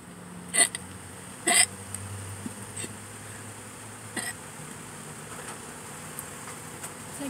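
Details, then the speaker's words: Hiccups while sitting in a parked car before eating, hungry: brief, sharp throat catches recurring about every second against a steady engine hum. "hiccups and burps at the same time so weird yeah my body's like come on do something"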